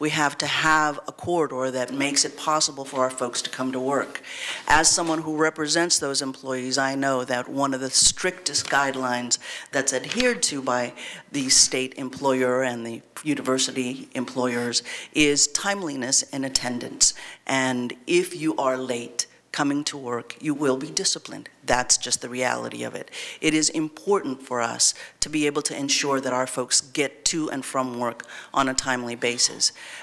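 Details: Adult woman who reports having a vocal tremor, speaking at a public hearing; vocal tremor.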